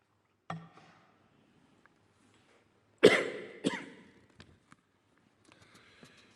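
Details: Adult male head of state coughing during a speech in a quiet hall, four times in ten minutes: a brief throat sound, then two sharp dry coughs in close succession; cough.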